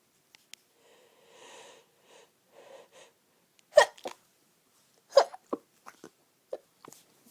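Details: Lots of stifled or half-stifled sneezes: a run of muffled, half-suppressed sharp bursts with soft breathy catches in between.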